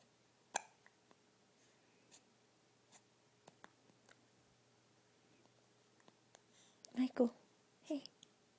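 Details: Baby with hiccups in a quiet room: a few brief sharp bursts and two stronger voiced catches near the end, fitting hiccups.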